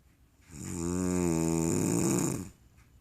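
A single long, loud, droning snore with a steady buzzing tone during one breath, in a quiet room.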